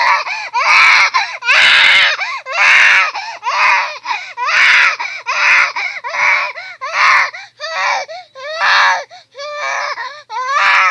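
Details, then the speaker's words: Baby crying while being held and soothed to sleep: loud, rhythmic infant wails about once a second with short gasps between them. "ba't wala pang ano si baby e nag-iiyak e pinapatahan ko pa kawawa hinahawakan ha"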